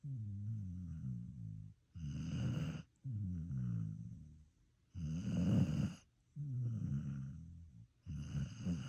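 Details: Regular low rumbling snores from a sleeping dog, about 19 breaths a minute, vibrating on both in-breath and out-breath; snoring.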